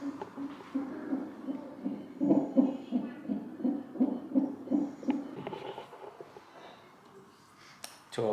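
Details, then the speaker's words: Fetal heartbeat on a hospital Doppler monitor during induction of labour: rapid, regular whooshing at about 165 beats a minute, fading near the end; baby moving a lot. "so we're here and abby's got a private room and i'm loading for the next two hours got myself some food can hear the heartbeat"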